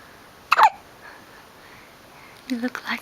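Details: Baby hiccuping, recorded 15 October 2011: two short, abrupt voiced catches about two seconds apart in a quiet room; hiccups.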